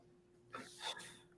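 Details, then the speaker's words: Adult sneeze during a live stream: a brief sharp intake followed by a loud, hissy burst of air, followed by "bless you." "sounds like me when I sneeze. I'm super extra."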